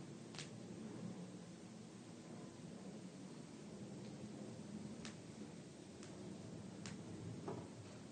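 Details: Several sharp, brief pops over quiet room hum as a person cracks their fingers and knuckles; joint cracking.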